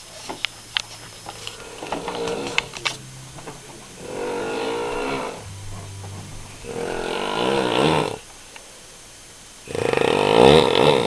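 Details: Father snoring heavily in sleep: loud, rough, rattling snores with each breath, separated by quiet pauses.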